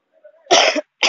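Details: Vlogger with a cough on the way to buy cough medicine at night: one harsh explosive cough burst, followed by the start of a second.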